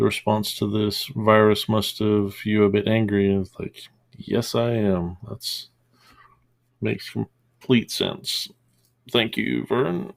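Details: Mild stuttering with silent blocks in an adult man, real, who calls it a small stutter that worsens with stress, upset, anger or embarrassment; he has trained himself not to stutter audibly, so it appears as mid-sentence pauses.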